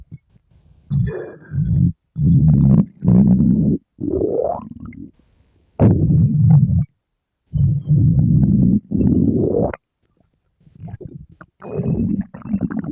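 Loud, drawn-out gurgling and groaning rumbles in bursts with short pauses; ordinary stomach growling.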